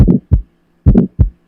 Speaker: it's very harsh sounding and the first part of the sound is louder the second part of the sound drops off so that first part is crescendo that second part is decrescendo and it occurs between the lub and the dub or between s1 and s2 so we know that it must be aortic stenosis so this is what aortic stenosis sounds like